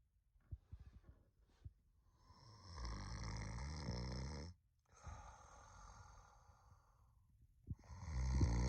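Deep, rumbling, drawn-out snores with a rattling quality and a whistling hiss; an exaggerated cartoon snoring effect.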